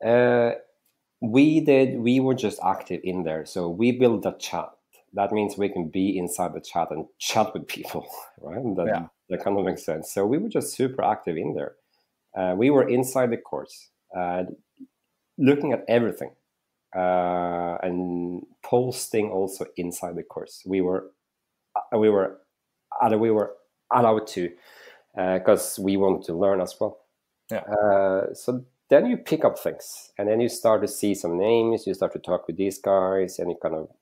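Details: Adult male with real stuttering that he says is audible in this interview, and which was heavy in school when raising his hand in class; stuttering.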